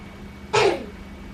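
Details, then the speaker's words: A single short, somewhat distant cough from the speaker's younger sibling in the background, against quiet room hum while recording. "Kalau kedengaran suara batuk-batuk itu suaranya adik di belakang. Entah kenapa setiap kali aku tape video dia selalu batuk."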